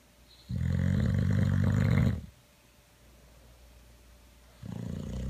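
A loud, rumbling, low-pitched snore lasting about two seconds, with the start of another; dog snoring.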